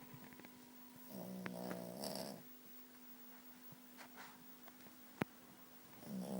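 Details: Small dog snoring while asleep: nasal, buzzing snores with a steady hum and a sharp click in the background; snoring.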